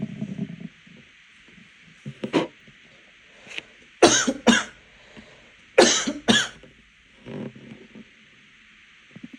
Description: a little coughing fit I had earlier because I choked on my water